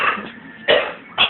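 Three short, dry, sharp cough bursts in about a second, with no wheeze or rattle between them.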